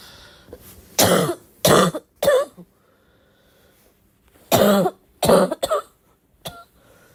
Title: bad barking cough fit